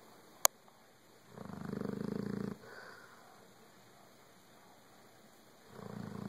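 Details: Sleeping snorer: a single low buzzing snore on inhalation with a sharp click at its onset, then quiet and the start of another snore.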